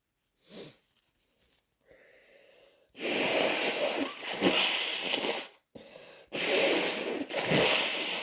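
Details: Induced or hay fever sneezing: quiet sniffs, then a run of loud, wet sneezes and a forceful, snotty nose blow.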